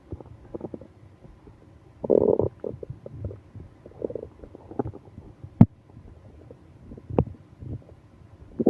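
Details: Stomach ache on a business trip, with moaning: low gurgling and rumbling abdominal sounds with brief bursts and a few sharp clicks, active bowel sounds.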